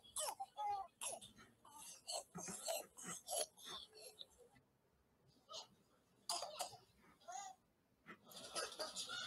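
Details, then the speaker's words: Child's repeated harsh barking coughs in clusters ("dog cough"/"seal cough"), with a little stridor after the second cough; acute laryngitis (croup) in a child. "é aqui é um áudio de uma tosse ladrante então preste atenção Qual que é a característica da tosse"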